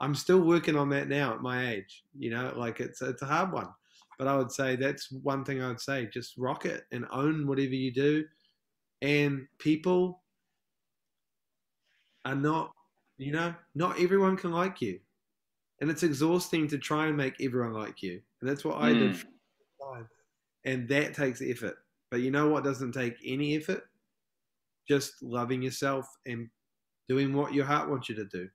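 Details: Adult man from New Zealand who identifies as a person who stutters, with repetitions and pauses: stuttering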